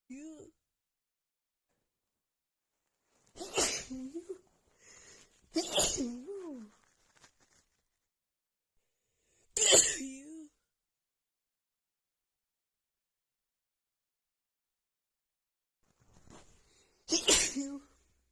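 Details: Female with a head cold, congested nose, after sniffing a tiny bit of black pepper: four forceful sneezes in quick bursts with short gasping breaths between some of them. Sneezing fit.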